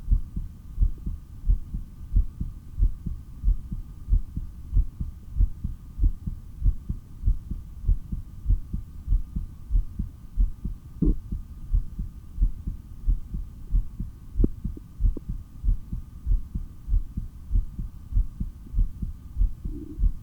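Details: Stethoscope heart audio from a person doing breath-holds (an initial breath-hold of over 3 minutes, then 15 breaths in 17.5 minutes): a steady, strong, regular heartbeat at about 94 per minute with a faint low hum; normal heart sounds.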